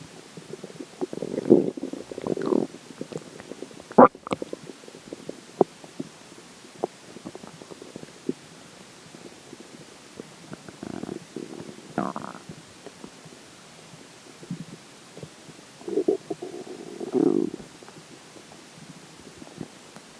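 Soft watery gurgles and squelches in scattered clusters over a quiet background: ordinary stomach gurgling.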